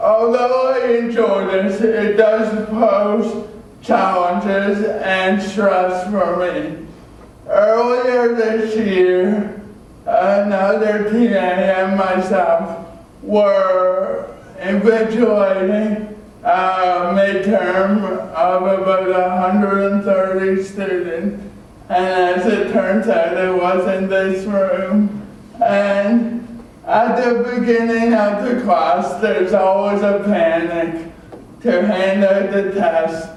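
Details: Adult male with cerebral palsy from oxygen loss at birth (umbilical cord around throat), a type with muscle stiffness and irregular movements, signs noticed around age 1, after extensive speech therapy: dysarthria (cerebral palsy).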